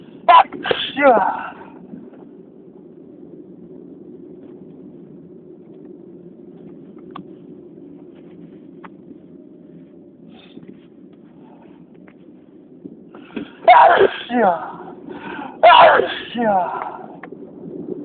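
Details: Two clusters of several quick sneezes, some stifled and some loud, separated by a quiet stretch of room hum; repeated sneezing.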